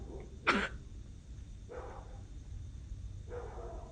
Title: Night noises Outside my window( Somebody Cough)!!!